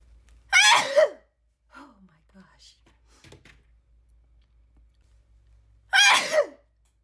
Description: Back-to-back sneeze attack